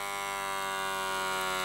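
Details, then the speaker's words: Faulty second-hand wrist blood pressure monitor, worn on the wrist during repair testing: steady electric pump whine as the cuff inflates and tightens, before the device fails with an error. "okay so the display came on there let's just take off my watch and let's go okay repeat it pumping up"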